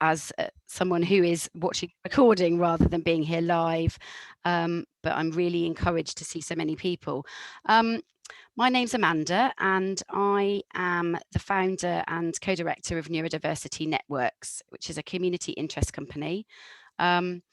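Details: Adult woman; Typical speech.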